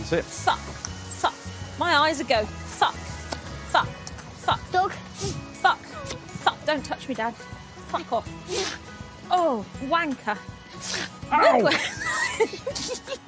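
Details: Involuntary vocal tics with coprolalia (repeated swearing) in an adult woman with familial Tourette syndrome, heard after she tries to hold the tics in.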